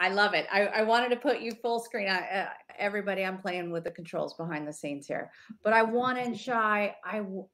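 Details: Adult woman speaking; normal fluent speech.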